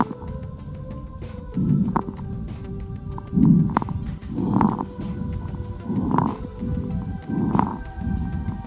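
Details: Fine crackles played through a stethoscope sound speaker: breath sounds with short, fine crackling clicks during each breath, velcro-like.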